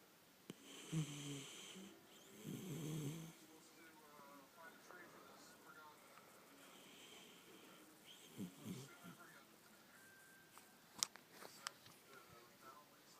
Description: Lil pup snoring away :')